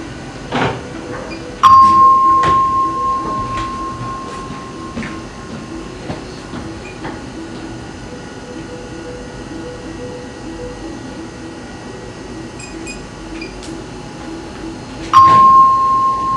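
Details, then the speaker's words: Two electronic bell tones several seconds apart over a low mechanical hum, heard by a patient alone in the room during proton radiation treatment; the signal tones of the radiation machine. "Um, sometimes shortly after that, I hear the first bell. Sometimes there's still somebody scurrying around that gets out of the room. And, uh, and then I hear the second bell."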